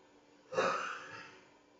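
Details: A single short, rough, throaty cough that fades quickly, in a night-time skit of a thief with a cold and cough in the dark.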